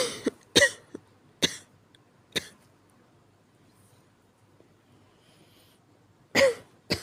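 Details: Weak cough.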